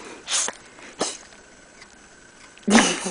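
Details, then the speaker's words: A small dog sneezing while excited and "smiling," as it habitually does: three short, sharp nasal bursts, the last loudest, with quiet room between. "This is my dog, Princess, and whenever she gets excited, she smiles and she sneezes. Don't you, baby girl?"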